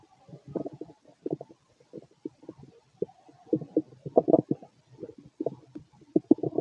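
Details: Late-night stomach growling in a male who feels gassy after eating lots of food earlier: bubbly, gurgling belly rumbles in irregular bursts from gas and fluid moving through the gut.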